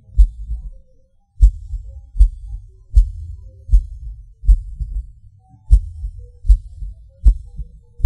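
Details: Person's own erratic heartbeat with premature beats (PVCs/PACs): low thumps around 78 a minute with uneven spacing, skipped and extra beats, and longer pauses. Each pause or hard beat is felt as a sudden rush, like falling.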